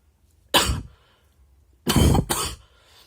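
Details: Three short, loud coughs (one, then two close together).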